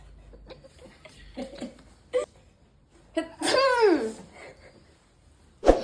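Soft clicks and breaths, then a sharp burst with a falling vocal tail and another abrupt burst at the end: forceful sneezes.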